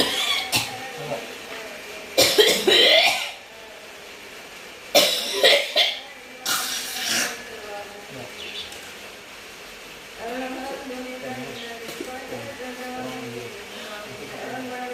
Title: Batuk sampe hoek